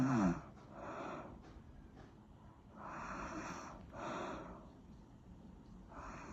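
Repeated rough, fluttering breaths, some faintly whistling, rising and falling in a slow rhythm during sleep: snoring.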